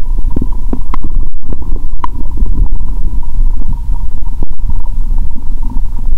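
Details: Bowel sounds through a stethoscope on the belly of a person fasting over 15 hours, after eating Mentos with cola: loud continuous gurgling and rumbling with scattered pops, very active.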